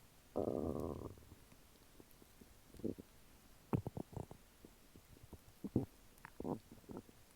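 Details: Active bowel sounds after eating chicken nuggets and fries, which the person thinks have already reached the lower intestine: a long rumble, then a series of short gurgles and pops.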